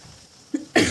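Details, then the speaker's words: Adult female, unwell with a cough and hoarse, failing voice during rainy weather: two short, harsh cough bursts, the second louder, in a quiet room. "दोस्तों बारिश में कहीं जाना नहीं होता और मुझे खांसी लगी हुई है। दूर से मैं कुछ बोल भी नहीं सकती।"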